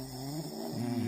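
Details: Man (Jafar) snoring during sleep: continuous low, rough rattling sound with a droning pitch.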